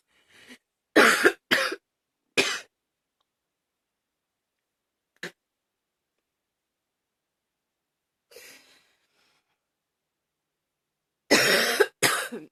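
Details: Several harsh, forceful coughs in short bursts separated by silent pauses, with gagging mentioned; hard coughing.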